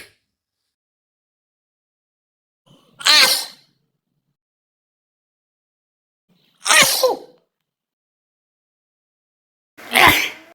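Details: Three separate sharp sneezes in a quiet room, each with a quick intake then an explosive burst, a few seconds apart, from a compilation of sneezes by men, women, children, babies and elderly people; sneeze.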